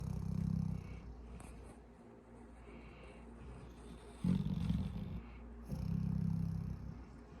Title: Snoring Murphy (7 months) on Penelope (7 year’s)